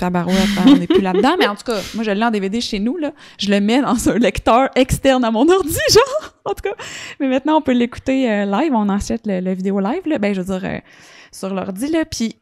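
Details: Adult woman speaking French; typical speech.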